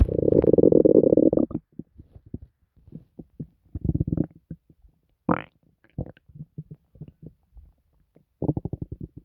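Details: Loud stomach growling from someone who says it doesn't hurt, feels fine and is better after a recent hospital stay: a long low rumble, then bursts of bubbling and gurgling pops; borborygmi.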